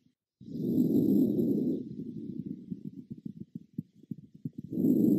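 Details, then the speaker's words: Normal vesicular breath sounds: air moving through the airways, auscultated bilaterally and symmetrically over the posterior, then anterior, chest; headphones recommended for listening. "il entend les bruits transmis par le passage de l'air dans les voies respiratoires c'est le murmure vésiculaire"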